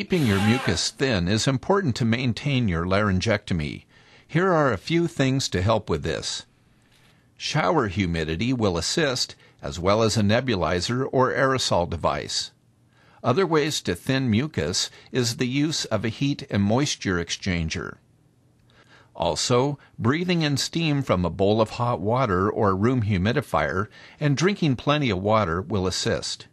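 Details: Adult male narrator; ordinary speech.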